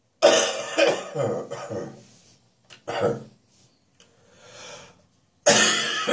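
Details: Adult with a lingering spring cold, still coughing in the morning but less during the day now. A run of loose, rattly coughs with short breaths between.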